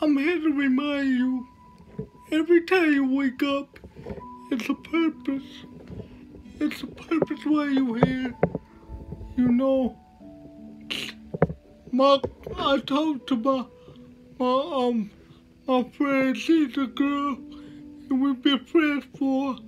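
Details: Man with cerebral palsy speaking with slurred speech that is hard to understand: dysarthria due to cerebral palsy.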